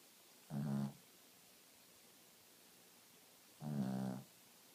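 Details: A dog in deep sleep: two loud, low rattling snores a few seconds apart against quiet breathing; dog snoring.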